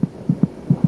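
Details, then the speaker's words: Fetal heartbeat, quite loud and about twice as fast as the mother's: rapid soft whooshing thumps from a fetal monitor. "heartbeat by putting your ear against the mother's abdomen is she kicking it's quite loud the fetus's heart beats about twice as fast as her"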